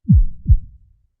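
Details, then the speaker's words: Heartbeat played as the first sound heard in the mother's womb: two strong low thumps, a lub followed by a dub, with a regular normal rhythm. "you were in your womb, in your mother's womb rather, this is the first sound you heard from inception. This is the oldest sound. This is the most universal sound."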